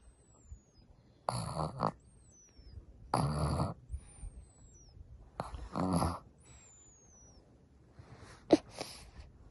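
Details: A 10-week-old baby snoring loudly, with three loud, rough snoring breaths about two seconds apart, then a softer fourth, and faint whistling in the background: ordinary infant snoring.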